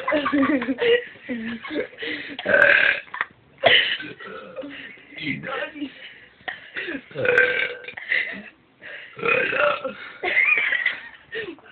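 A run of long, voiced belches, several in a row with short pauses between them.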